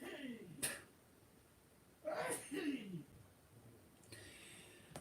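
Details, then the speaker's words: An adult man sneezes in the background of a live stream: a few sharp, forceful bursts with a falling voiced sweep, heard distantly in a quiet room. "Not sure if you heard that. Dad's sneezing in the background."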